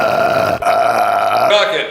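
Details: A long, loud, voiced belch lasting nearly two seconds with a steady gurgling tone, from a man; burping.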